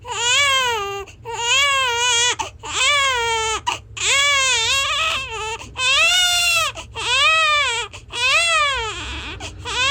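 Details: Infant crying loudly and strongly in repeated long wails with brief breaths between, about 47 cries a minute; a vigorous, full-voiced ordinary infant cry.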